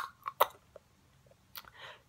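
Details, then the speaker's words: An 8-year-old boy making repetitive tongue clicks that a sibling with Tourette syndrome and echolalia imitates: a few sharp tongue clicks and pops in a quiet room. "Here we go. like, 8 years old, like, clicking his"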